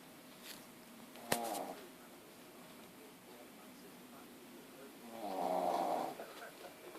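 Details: 9-month-old female puppy with very large tonsils, asleep: two slow, rattling inspiratory snores several seconds apart; ordinary snoring.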